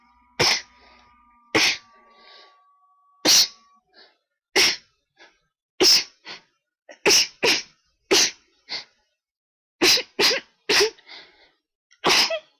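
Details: Ongoing sneezing attack blamed on high pollen, with an attempt to announce a sneeze: a run of about ten loud, sharp sneezes in quick succession over roughly twelve seconds.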